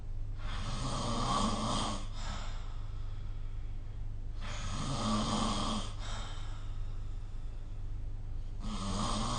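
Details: Snoring during sleep, recorded with the SnoreLab phone app.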